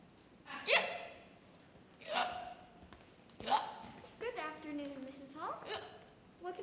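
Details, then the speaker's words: Simulated hiccups in a short acted drama: a patient, said to be 65, tells a doctor of hiccups for several days; three abrupt voiced hiccups about 1.4 seconds apart, then speech. "Doctor, for the past few days, I've had the hiccups, and I can't get rid of them."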